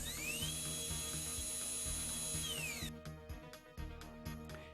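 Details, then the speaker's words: High-speed Bien-Air electric dental handpiece, speed range 500 to 200,000 RPM forward and reverse, giving a high-pitched steady whine that ramps up, holds, then winds down, followed by rattling clicks. "The high-speed handpiece has a speed range of 500 to 200,000 RPM, both in forward and reverse."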